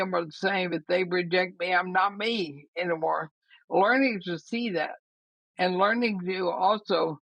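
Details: Woman, about 80, with ALS (Lou Gehrig's disease), already having quite a bit of trouble speaking though she thinks she is still intelligible; dysarthria (ALS).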